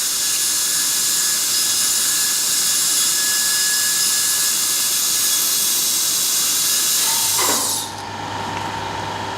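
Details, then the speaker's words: Dental air syringe blowing air horizontally, not into canals, after refining root canal access cavity in a mandibular molar: loud continuous rushing hiss stopping abruptly, leaving a lower hum. "And try to blow the air horizontally, never into the canals."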